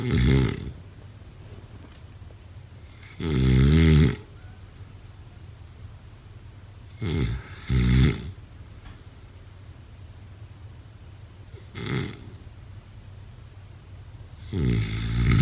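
Loud rattling snores on inhalation, some doubled, about every four seconds over steady room hiss: snoring during sleep.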